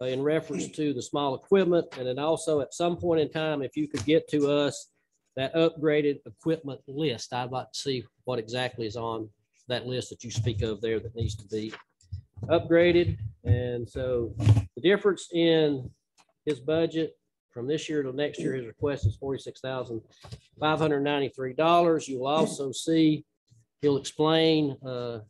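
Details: Adult man speaking; ordinary speech.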